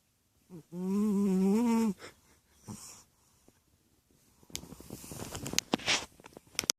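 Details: Chubby cat snoring while asleep: one long, whistling, tone-like snore followed by rustling movement noise.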